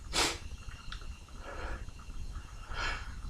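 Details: Wednesday morning sneezing, messy with spray: one sharp sneeze burst followed by two softer wet nasal exhalations, with outdoor background noise.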